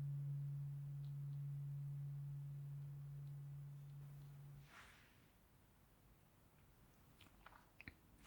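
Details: Simulated tuning fork hearing test in an eyes-closed ASMR cranial nerve exam roleplay, second fork introduced to test hearing one versus two: a steady, pure, low humming tone rings about four seconds, then faint handling sounds.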